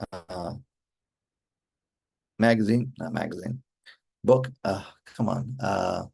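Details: Adult male stroke survivor with aphasia since a stroke during mitral valve surgery for hereditary mitral valve prolapse in 2007, recorded July 2024, real patient who says communicating is still hard; aphasia.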